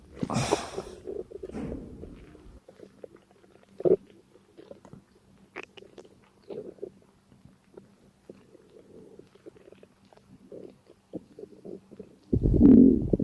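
A burp at the start and a loud one at the end, with soft gurgling and rumbling between; belching from a gassy, upset stomach.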